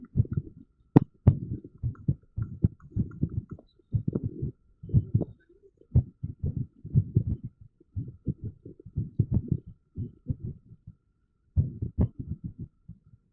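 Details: Irregular heartbeat: low thudding heart sounds with uneven spacing between beats and varying pauses, an irregular heart rhythm.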